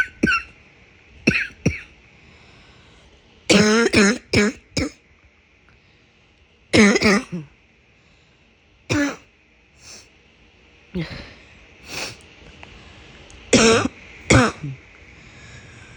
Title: Another barking cough